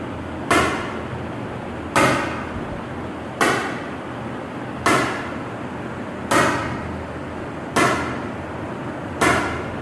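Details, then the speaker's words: Sharp, regular cracking snaps about 41 a minute: ESWL lithotripter shock waves on a 13 mm left kidney stone, given in intervals, usually 2500–3000 shocks per patient; lithotripter shock waves. "Normally एक patients को मैं तकरीबन 2500 से 3000 shocks के दरमियान लगाता हूं। इससे ज्यादा लगाएंगे तो फिर किडनी को भी डैमेज हो सकता है।"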